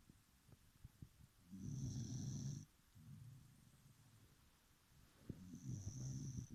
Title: My dog snores like an old Man...